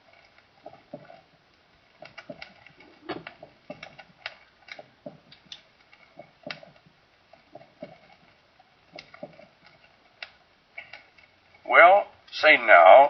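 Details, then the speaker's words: Thin, clicky heart sounds in uneven pairs, each normal beat closely followed by a premature beat, with first and second sounds heard in the premature beat; coupled rhythm (bigeminy). A voice begins at the end. "this is a rhythm consisting of an alternation of normal and premature beats and with it as with premature beats generally both the first and second heart sound in the premature may be heard as in this illustration"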